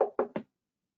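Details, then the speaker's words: Repetitive nerve stimulation demonstration on a Cadwell Sierra Summit EMG machine; quick train of sharp clicking shocks after stimulus reset, checking for slipping off the nerve; nerve stimulator shocks. "okay so we're gonna give four shocks here and they look good 05% actually um increase here comes another four zero"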